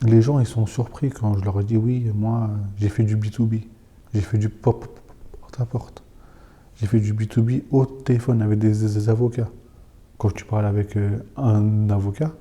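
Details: Stuttering in a French-speaking person who stutters.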